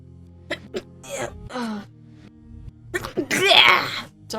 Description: We got all kinds of sneezes in this sneeze festival montage. From rapid sneezes to sneeze attacks to just plain blowing your nose off is here.